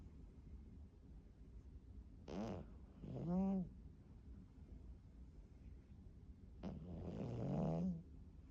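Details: Foster cat sleeping face-planted, two quiet snoring breaths, each a short snort then a squeaky, whistling rise and fall: cat snoring.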